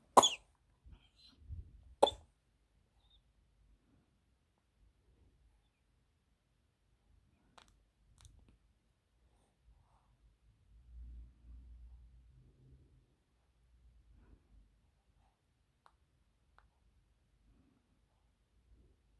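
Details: Two short, sharp coughs from a newborn after choking on something swallowed the wrong way, then fainter throat sounds; reflex cough after aspiration.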